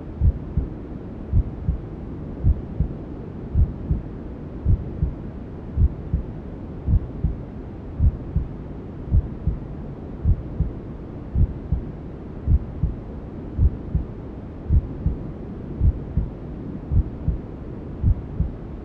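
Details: Newborn sleep ASMR: steady low thumping maternal heartbeat, about 54 a minute, under constant hissing white noise, imitating womb sounds for settling a newborn.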